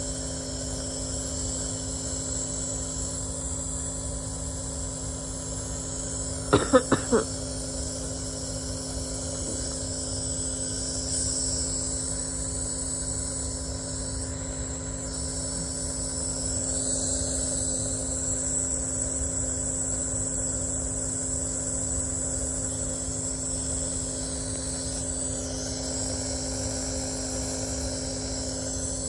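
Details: A nebulizer compressor, described as a wheezing thing connected to a penguin, running while someone is still sick: a steady motor hum with a faint buzz throughout.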